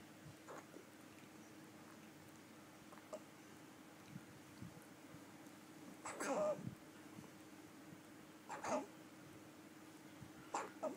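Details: 3-month-old baby hiccuping: short, sharp hiccup sounds at irregular intervals over a steady low room hum.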